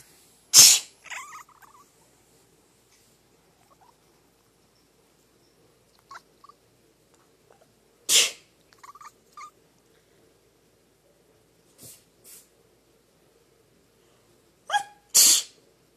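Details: Three sharp, loud sneezes at intervals in a quiet room, each followed by soft chirping from a pet animal that gets upset when someone sneezes: repeated sneezing.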